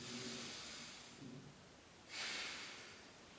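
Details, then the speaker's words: A nursing student demonstrates lung auscultation while the patient breathes in deeply; soft, rustling airflow over the back of the chest gives normal vesicular breath sounds. "aquí podemos presentar dos opciones uno en donde es el murmullo total como normalmente lo debemos de presentar"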